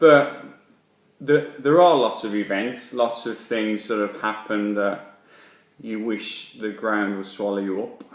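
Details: Adult man speaking; stammering.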